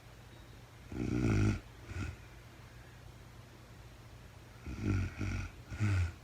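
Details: Real-time recording of a woman asleep at night, no talking, very tired: low, rattling snores in a quiet room, two on each of two in-breaths over six seconds, with quiet pauses between; snoring.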